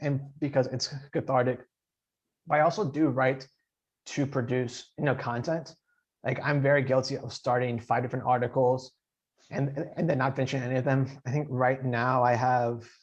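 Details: Adult man who stutters, speaking in an interview; stuttering.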